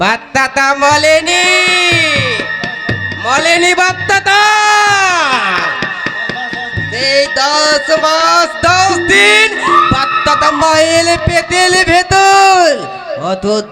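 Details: Acted stuttering: a comic Bengali folk-theatre (jatra) character performed by an actor for comedy.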